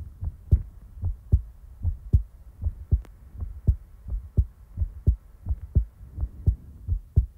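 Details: Real-time heartbeat recording: steady low double thumps at about 85 beats a minute; a regular, normal heartbeat.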